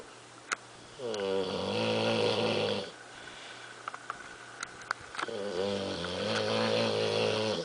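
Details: Bulldog snoring while lazing: two long, loud, buzzing snores with a steady low rattling tone, separated by quieter breathing and a few clicks.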